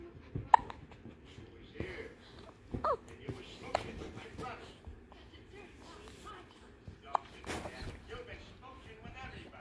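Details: Infant hiccups: soft, brief hiccup sounds at irregular intervals, with quiet voices and faint music in the room.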